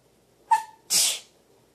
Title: Squeaky gets mad if someone sneezes!